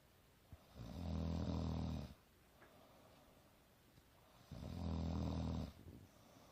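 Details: Young woman snoring during sleep: two deep, rattling low snores about 3.5 seconds apart, with quiet breathing between them; ordinary snoring.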